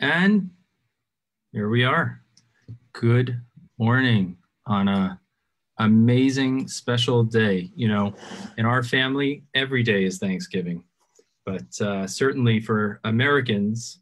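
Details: Adult male speaker; typical speech.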